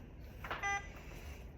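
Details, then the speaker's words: Alaris infusion pump during programming of a primary infusion: a single short electronic reminder beep warning that programming is incomplete and the infusion has not been started. "So it's reminding me, hey, you have something that's incomplete, so that if I get distracted, I don't forget I didn't actually start this."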